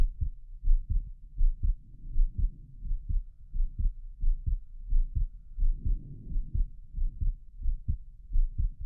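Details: Adult's own heartbeat via stethoscope, quickened by excitement of being on camera, stops over pulmonic valve and Erb's point, visible apex beat; regular low heart sounds about 87 per minute: normal heart sounds, mildly fast rate.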